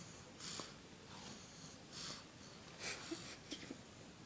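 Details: Soft, brief nasal snorts and sniffly breaths from a sleeping baby, a few per breath cycle, with faint room noise; snorting.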